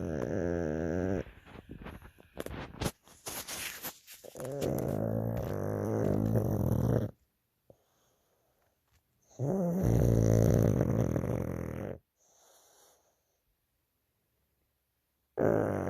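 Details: Pug dog snoring loudly while asleep with eyes open: loud, rough, rattling snores with quiet pauses between breaths.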